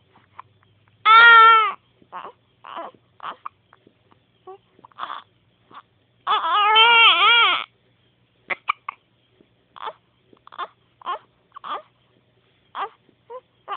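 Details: Baby girl frightened by her hiccups: two loud, wavering infant cries with short, abrupt catches and whimpers between them.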